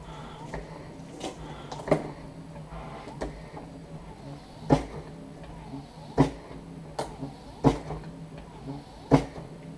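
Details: CoVent medical-grade mechanical ventilator, built in Singapore from off-the-shelf parts, running: repeated mechanical clicks and thumps over a steady low hum.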